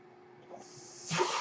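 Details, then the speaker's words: Sudden loud rushing hiss of air over quiet room noise: a home mechanical ventilator delivering a breath to the speaker, recorded during a podcast; mechanical ventilator breath cycle. "hello everyone my name is that noise agrees my ventilator"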